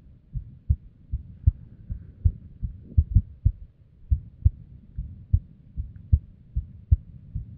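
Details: Female's unstable resting heartbeat, recorded with simple equipment, described as a variety of arrhythmia with abnormal beats that is hard to predict: uneven spacing, some beats early and close together; irregular rhythm with ectopic beats.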